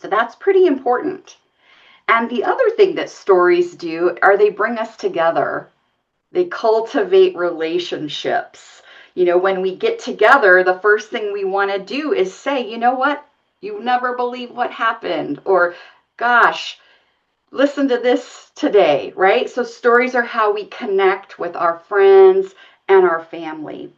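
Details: Adult woman speaking; normal speech.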